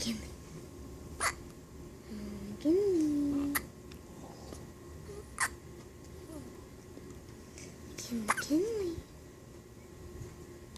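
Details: Six-day-old baby girl with hiccups: several short, sharp hiccup sounds spaced a few seconds apart, with soft coos between, in a quiet room.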